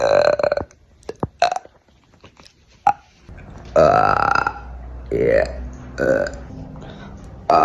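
Several loud, drawn-out voluntary belches in a row, with short gaps and mouth noises between them; repeated burping.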